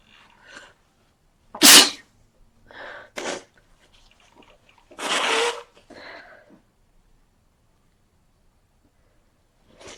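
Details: Several sneezes in quick succession with a cold, one loud explosive burst followed by smaller ones, with sniffing breaths between: repeated sneezing.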